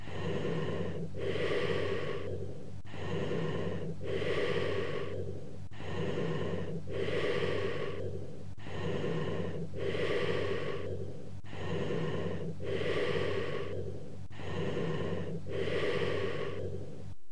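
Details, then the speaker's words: Cavernous bronchial breath sounds over a cavity: low-pitched, hollow bronchial breathing with prolonged expiration and a gap between inspiration and expiration, about 20 breaths a minute. "Cavernous type of bronchial breath sounds heard over a cavity. Note the low pitch of the bronchial sounds. Also note the prolonged expiration and the gap between inspiration and expiration."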